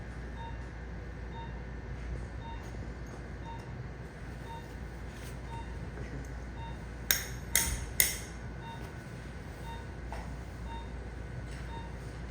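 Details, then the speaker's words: Three sharp metallic mallet taps impacting a compression fusion plate into the great toe joint during fusion for severe arthritis, over quiet room hum and faint periodic beeps. "Now here's our plate with its device that's designed to help impact this into the space."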